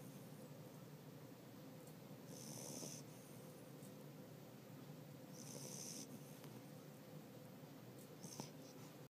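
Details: Quiet snoring during sleep, recorded in 2013: soft, faint breathing noises with a few gentle hissy breaths over room hiss.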